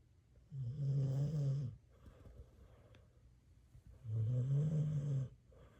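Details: Pitbull dog asleep in bed snoring, with an owner-described snoring problem: two deep, rumbling snores about three and a half seconds apart, with quiet breathing between.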